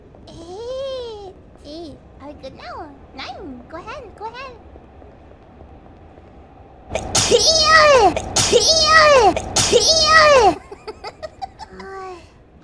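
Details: A character sneezing on a train: soft squeaky vocal sounds, then three loud, sharp, high-pitched sneezes in quick succession over a steady background hum.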